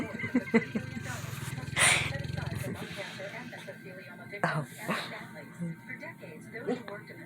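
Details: Snoring: a dog snores with a low, fluttering rattle as its loose cheeks flap, then its breathing goes quiet and appears to stop briefly before resuming.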